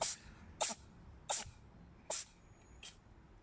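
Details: Cat sneezing: a run of five small, sharp sneezes in quick succession with brief pauses between.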